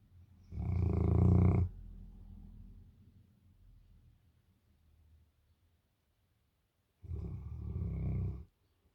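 Two loud, low rattling snores several seconds apart, with a softer trailing breath after the first; ordinary snoring in a sleeping dog.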